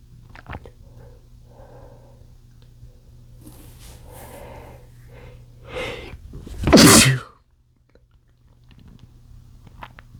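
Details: Male trying to stifle sneezes after chikni sneezing powder: breathy, held-back sneeze attempts build into one loud explosive sneeze too strong to muffle.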